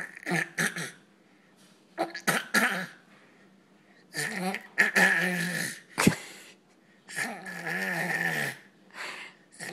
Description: My 7 month old daughter has now figured out how to fake a cough.....